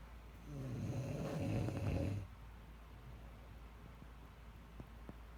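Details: Adult recording own snoring, described as 30 weeks (possibly pregnancy): a single low, rough, fluttering snore on an in-breath, then quiet room noise with faint clicks; snoring.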